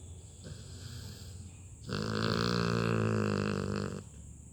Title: LABRADOR puppy SNORES LOUDLY as he cuddles and sleeps on mom's lap.